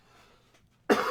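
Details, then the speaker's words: Adult man's brief cough on a live stream while his microphone's mute button fails to engage in time; he apologizes afterwards. "excuse me so sorry you have to hear that coughing the mute on this mic you have to hit it twice so I no always get to mut it in time"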